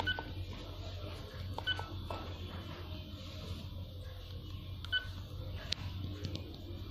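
Short electronic beeps from key presses over a low room hum, typical of an infusion pump being programmed.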